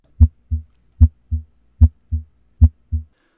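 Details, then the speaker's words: Normal heart sounds demonstrated in a lesson on newborn auscultation: clean, regular lub-dub S1–S2 at about 75 beats a minute, slower than a newborn's actual rate. "dana hemşire genel olarak rub Sesini duymayı bekliyordu lob Dublo bdu bdu ses bize kalbin işlemi ile ilgili bir şey anlatır"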